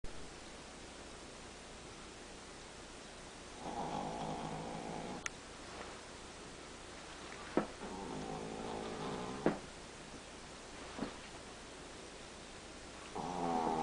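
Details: Chihuahua dog snoring while asleep during a morning nap: soft buzzing snores about 1.5 seconds each, with brief clicks and snorts between. Snoring.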